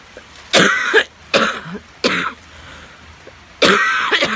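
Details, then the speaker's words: Adult with pneumonia and asthma, using an inhaler, coughing in a bathroom: four harsh, wet-sounding coughs in quick bouts. "I am staying in my bathroom clapping my brains out because I still have pneumonia and asthma when does this go away"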